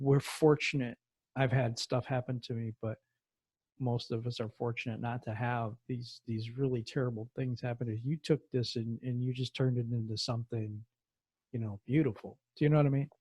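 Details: Adult man speaking; typical speech.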